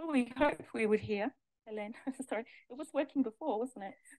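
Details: Adult woman speaking in a room; normal adult speech.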